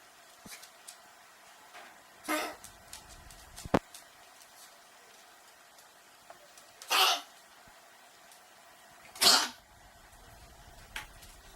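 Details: A pet dog gives three short, sharp, hissing coughs spaced a few seconds apart against a quiet room; cough.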